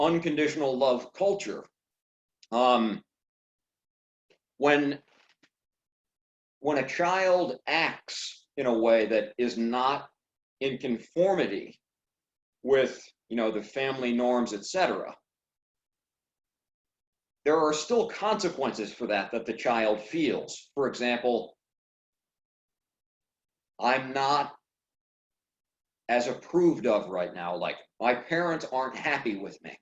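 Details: Adult man who stutters speaking in fragmented phrases with long pauses suggesting blocks; stuttering.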